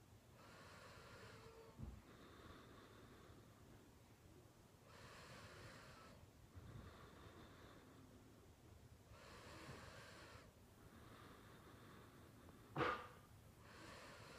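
Soft, steady, rough breathing about 14 breaths a minute with faint snoring on the breaths, plus an occasional snort: light snoring.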